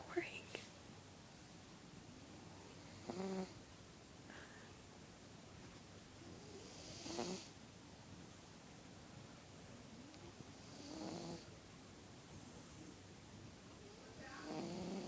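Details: Light snoring in a cat: soft, brief snorting breaths about every four seconds over a quiet hiss.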